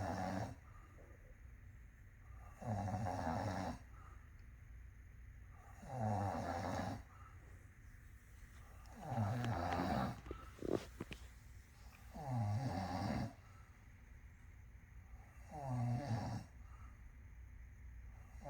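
Loud, regular rumbling snores on each breath, about 19 a minute, with a brief rustle in between; ordinary heavy snoring.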